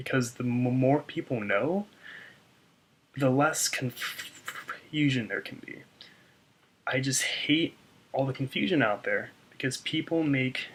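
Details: Adult man who stutters, reporting severe blocks on his name; audible word repetitions; stuttering.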